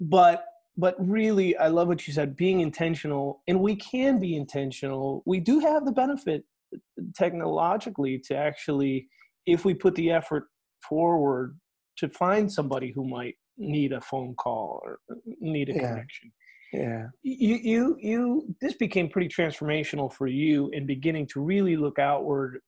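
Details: Adult male speaker; normal speech.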